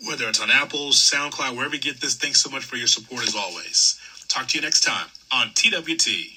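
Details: Adult male speaker; typical speech.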